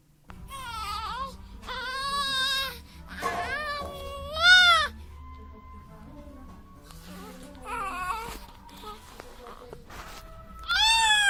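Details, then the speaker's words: Infant with cri-du-chat (5p deletion) syndrome: repeated high-pitched, monochromatic, thin mewing cries attributed to a narrow larynx. "first the characteristic mewing cry due to the narrowness of the larynx this is observed as a high-pitched monochromatic cry"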